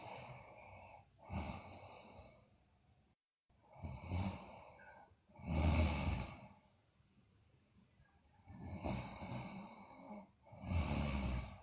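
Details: Soft, irregular snoring breaths with some snorting, a few seconds apart, in a sleeping girl; mild snoring.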